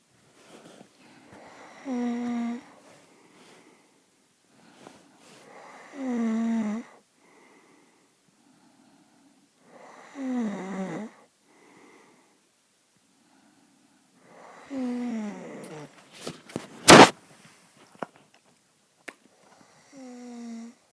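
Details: Snoring from a sleeping adult man, a husband: loud, rumbling, tonal snores on each breath in, about every four seconds, with quiet exhalations between.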